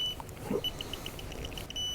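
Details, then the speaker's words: A quick run of short high beeps ending in a longer tone as a Parkinson's patient switches on his apomorphine infusion pump once it is filled; the pump delivers a set flow rate plus extra boluses. "so once it's filled up it's ready to switch on gun"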